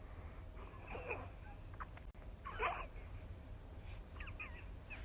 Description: Snoring cat sounds like little farts.